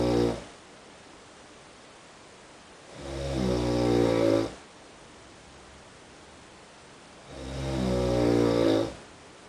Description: next room's snorings in an hong kong hotel